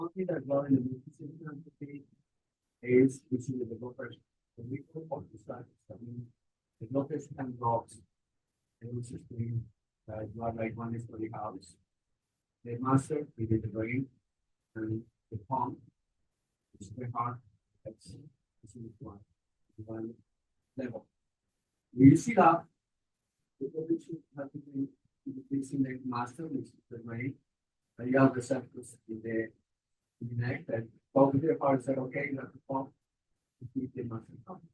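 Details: Adult male speaker; normal speech.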